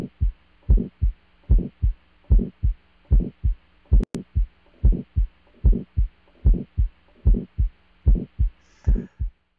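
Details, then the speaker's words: Regular heartbeat about 74 a minute with a rough whooshing systolic ejection murmur between the first and second heart sounds; aortic stenosis, where S1 may be obscured by the murmur, in a lecture heart-sound demonstration. "next to it we have aortic stenosis a systolic ejection murmur sometimes you can't hear the first heart sound because of the murmur"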